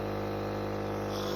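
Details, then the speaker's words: Home suction unit running with a sleeved suction catheter, demonstrated on a pretend trachea (not on the child), catheter depth 9: steady mechanical hum with a whooshing suction hiss as it is inserted and withdrawn. "and you suction. And that's what it sounds like when you pull it out and it's all done."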